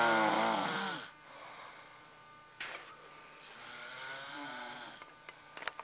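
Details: Several people snoring at once: loud rattling snore on the inward breath, then quieter breathing with a second, softer snore.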